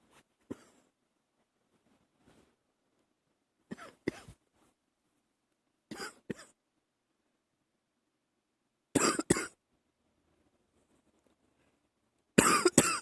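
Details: Early-morning coughing held back to keep quiet: five short clusters of mostly paired, muffled dry-sounding coughs separated by quiet pauses.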